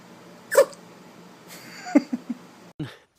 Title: sneeze..the cute moments